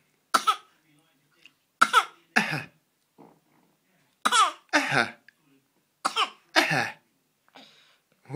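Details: Young child coughing during dinner: three short pairs of dry coughs in a quiet room.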